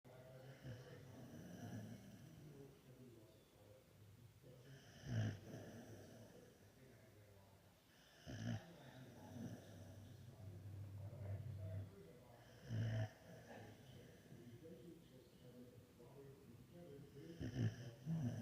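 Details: Sleeping female puppy snoring: repeated low rattling snores about every four seconds, roughly 14 a minute, with soft breathing between.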